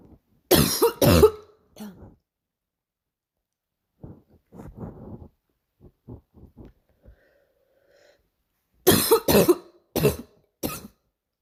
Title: short barking cough